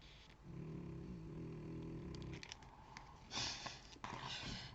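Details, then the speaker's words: A female dog snoring with a low, buzzing rumble lasting about two seconds, followed by paper rustling and crinkling nearby in a small room. "que vous entendez le ronflement c'est juste un truc de fou non mais cette chienne elle est elle est faite"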